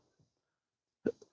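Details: Single abrupt, sharp hiccup in a quiet room, from a person with a rare chronic disabling hiccup and burp condition since December 2015 after surgery with nerve damage; hiccup.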